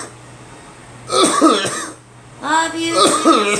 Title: Me coughing on a cold